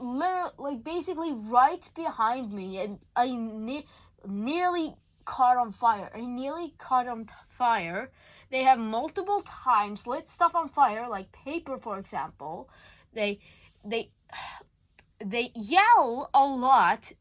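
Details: School-age speaker under legal guardianship who self-reports stuttering a lot: real stuttering.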